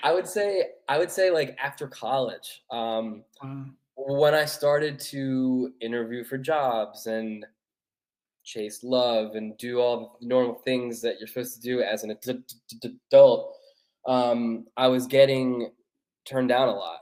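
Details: Stuttering in an adult male author who has stuttered since childhood, which he calls a neurological condition made worse mostly by nerves.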